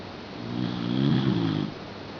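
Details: Shiba Inu dog snoring loudly while asleep in the family bed: a single drawn-out, buzzy rattling breath swelling and fading over about a second.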